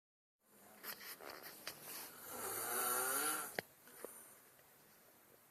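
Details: Man snoring: one long, loud, rattling snore with a whistling edge, followed by a quieter breath out; snoring.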